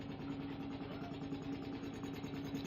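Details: Pediatric high-frequency oscillatory ventilation demonstration during FiO2 weaning after lung recruitment: steady low, rapid buzzing drone of the oscillatory ventilator running continuously.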